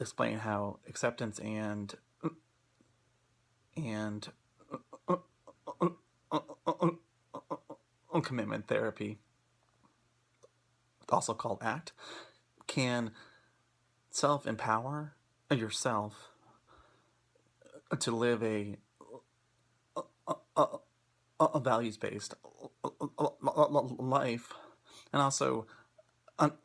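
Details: Real stuttering in an adult who stutters, speaking during a presentation on acceptance and commitment therapy for people who stutter; finding: stuttering.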